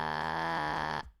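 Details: Female streamer deliberately demonstrating vocal fry while her voice is partly lost, which she attributes to eating something spicy or to screaming while it was spicy; vocal fry.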